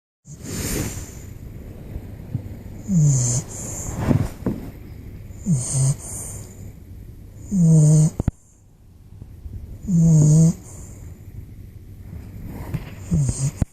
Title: Stu the Bulldog Puppy Snoring